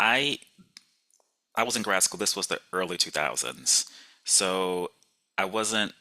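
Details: Adult speech-language pathologist who stutters, speaking on a panel, with long pauses and fillers before words; stuttering.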